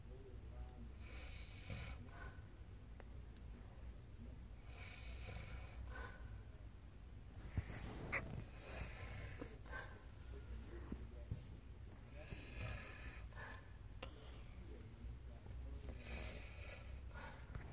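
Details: Mother snoring during sleep: repeated rough, rattling snores with noisy breathing between them, over a steady room hum; snoring.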